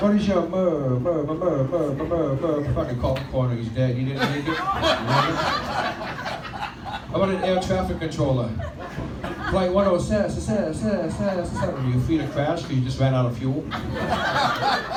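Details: Adult male stand-up comedian who has stuttered since childhood and had 15 years of speech therapy, performing live; stutter milder on a microphone and worse when nervous; vowel-initial words, especially 'I', are hardest; stuttering.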